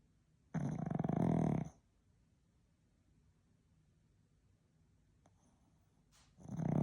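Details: Female pug asleep, snoring: a loud, rattling snore of about one second, a quiet pause, then the next snore starting.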